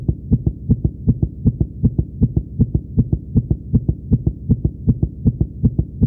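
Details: A simulated cartoon sound effect of a racing heart, said to be the fictional character Gallus's heart heard through a stethoscope: a rapid, steady lub-dub at about 158 beats a minute.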